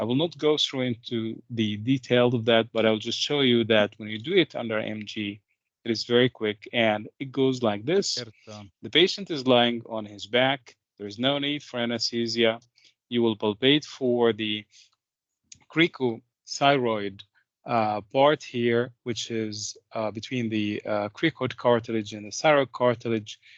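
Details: Adult male; typical speaker.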